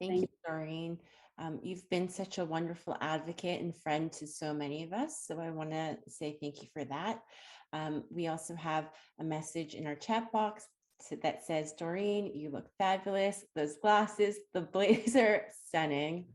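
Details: Adult woman speaking; no disorder.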